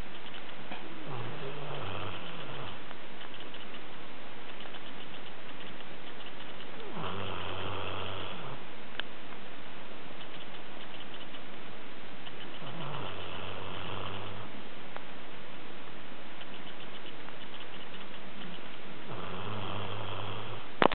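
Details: Snoring while asleep: low rumbling snores about every six seconds, roughly 10 breaths a minute, under a constant hiss.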